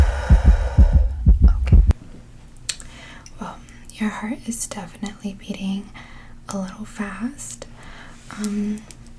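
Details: Rapid heartbeat: strong, fast, low thumps of a real heartbeat through a stethoscope, taken during deep breaths in an ASMR doctor role-play, followed by soft whispered talk.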